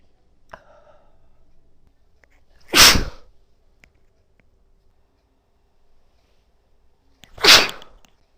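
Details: Two separate forceful sneezes from a woman, a few seconds apart, into tissues in a quiet room; she says bobby pins trigger her sneezing.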